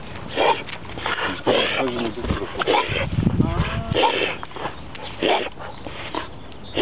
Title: reverse sneezing